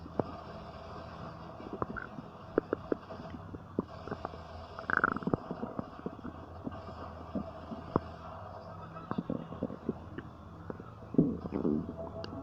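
Frequent gurgles, pops and low rumbles from the abdomen over a steady background hum; ordinary bowel sounds.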